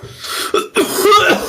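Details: A few quick, harsh coughing bursts run together in close succession from an adult streamer during gameplay.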